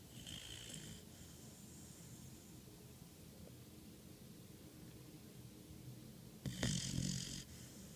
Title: Puppy snores